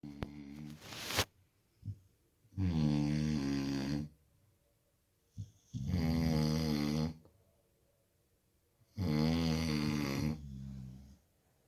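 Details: Dog sleeping beside its owner, snoring like a human: loud, buzzing snores on each breath in, about three over ten seconds, with quieter breaths out between them.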